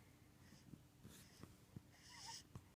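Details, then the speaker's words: Baby boy with hiccups: four short, sharp hiccup sounds about every second, with soft baby noises and quiet room sound between them; infant hiccups. "hiccups? You got the hiccups? Yeah. Hi, baby. Hi. I love all your little sounds."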